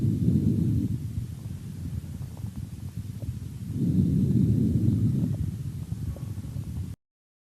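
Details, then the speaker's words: Soft blowing vesicular breath sounds heard through a stethoscope, louder on inspiration, audible throughout inspiration and about the first third of expiration, like the letter "f": normal vesicular breathing. "как правило выслушивается мягкий дующий шум похоже на букву ф на протяжении всего вдоха и одна треть от выдоха давайте послушаем как звучит везикулярное дыхание"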